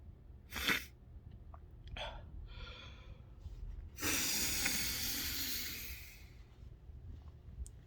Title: induced sneezes